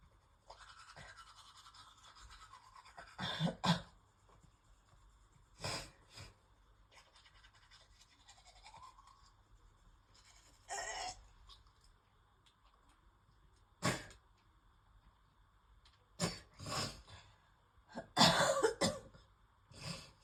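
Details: Woman with worsening asthma coughing while brushing teeth: repeated sharp cough bursts over tooth-brushing noise, ending in a harsher retching-like burst as she feels nauseous.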